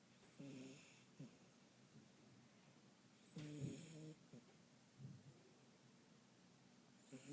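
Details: A 4-month-old female dachshund mix, probably crossed with a lab, snores while resting in a travel bag: soft, uneven snorts and snuffly snores at irregular intervals in a quiet room.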